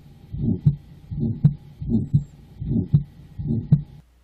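A regular heartbeat at about 77 per minute. Each beat carries a harsh, rushing murmur that swells and then fades before a crisp second heart sound. This is the crescendo-decrescendo systolic ejection murmur of aortic stenosis, from blood forced through a thickened, narrowed aortic valve.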